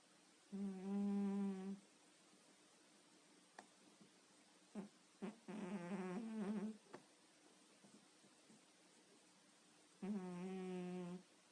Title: snoring cat (quiet night)